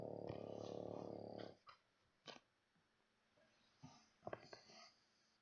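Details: Snoring from a sleeper who is just trying to get some sleep.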